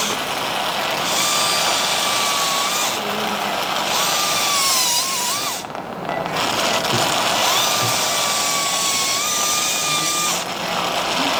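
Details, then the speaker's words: Steady high whine of a surgical diamond drill, pitch wavering with a short pause, drilling the base of the spinous processes during two-level lumbar canal stenosis decompression by midline biportal endoscopy; patient has claudication at around 200 m. "Then we start with the drilling process with the uh diamond drill."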